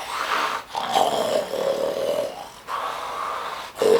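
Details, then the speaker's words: An adult imitates loud snoring: three harsh, growling, rattly pulls with short gaps, a deep "bear" or "hungry" type snore. "El hambriento o el oso. Es el ronquido que lo escuchas de noche y te entran ganas de pegar un bote en la cama y decir ¿quién hay ahí?"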